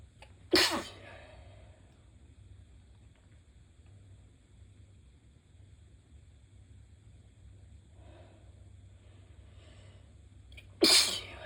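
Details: Two forceful, wet, naturally high-pitched, slightly squeaky sneezes about ten seconds apart, with faint sniffing between, from a person with a very stuffy head cold.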